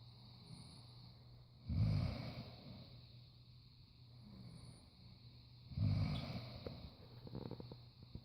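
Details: Two low, rough snorting breaths about four seconds apart, about 15 a minute, over steady background hum; heavy snoring breaths, though possibly heavy breathing.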